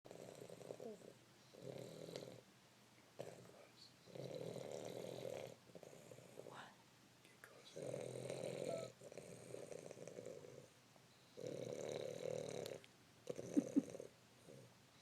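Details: Steady snoring during sleep: repeated rough, rumbling snores about every two to three seconds, each lasting about a second, with quiet pauses between.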